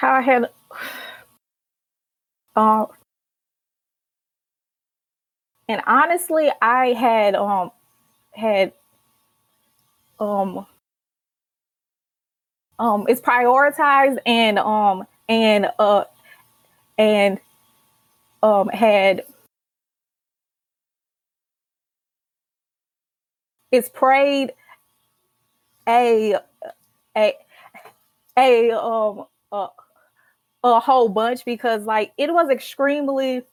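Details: Adult woman, a senior college student who has stuttered since childhood, with stuttering in her family, and who started speech therapy in college; stuttering.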